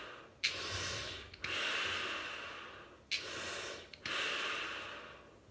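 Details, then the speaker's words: Nurse demonstrating asthma inhaler technique: one metered-dose press into a valved spacer (aerochamber), then two slow, deep breaths using the lungs, not the shoulders; each opens with a soft valve click and long airy hiss; breathing through an inhaler spacer. "So I'm going to press in, one press, okay, and you'll hear it me doing, so you'll hear me breathing in, and just watch my action."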